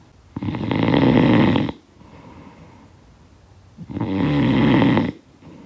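Loud, rattling snores on two breaths in, with quiet breathing out between them.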